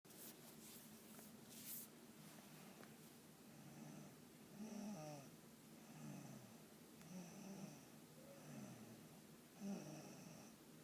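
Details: Soft, irregular snoring, about 24 a minute, some with a faint whistle, over steady room hiss.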